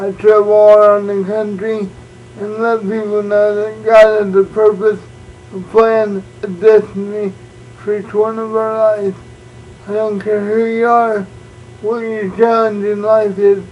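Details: Adult man born prematurely with cerebral palsy, uses a wheelchair, also reports dyslexia and dyscalculia; no speech disorder named; speech in cerebral palsy (possible dysarthria).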